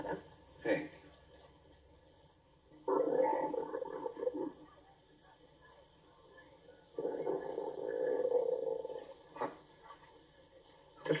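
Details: Acted stomach growling in a scene from the film The African Queen: two long, low gurgling rumbles with faint room sounds.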